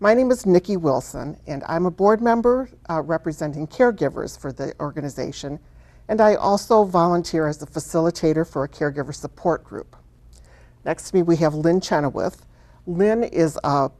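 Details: Adult woman speaking; normal speech.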